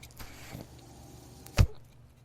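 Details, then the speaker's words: Low mechanical hum with a brief thump and whoosh of air as the speaker's own home mechanical ventilator cycles during a podcast recording; mechanical ventilator noise. "hello everyone my name is that noise you're hearing is my ventilator welcome to only what you take with you"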